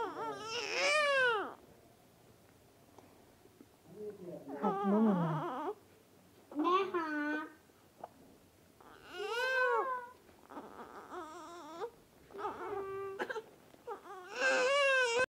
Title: Baby Crying Moments Compilation